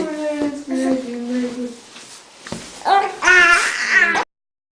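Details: Baby boy crying in rising, wavering wails with brief breaks for breath, reportedly frightened by his father's snoring.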